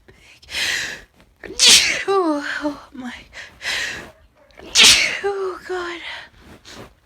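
Two loud, forceful sneezes, each preceded by a sharp in-breath and followed by voiced sounds; sneezing.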